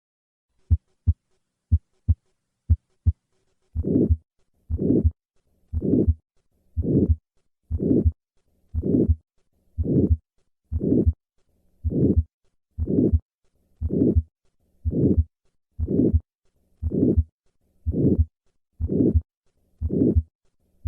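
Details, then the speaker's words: Harsh diamond-shaped systolic murmur of significant aortic stenosis, best at the second right intercostal space, stopping before the second heart sound, possibly with a delayed carotid upstroke; often louder sitting up leaning forward. "so to recap the murmur of aortic stenosis is a harsh diamond-shaped systolic murmur heard best at the second right intercostal space"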